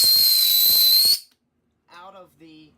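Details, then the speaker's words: Loud, steady high-pitched hiss of oxygen that stops abruptly, from a CPAP Quick Connect attached to the high-pressure oxygen port of a portable ambulance oxygen bottle before the CPAP tubing was connected, then brief speech; high-pressure oxygen leak. "if you connect the Quick Connect to the high pressure oxygen port prior to attaching it to the CPAP tubing you'll have a quick flow of air"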